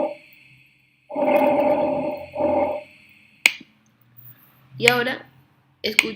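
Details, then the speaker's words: Soft, smooth airflow with a longer inhale and shorter exhale and no added noises, played as the normal reference in an auscultation class; normal breath sounds. "Bien, entonces escuchen cómo sería lo normal."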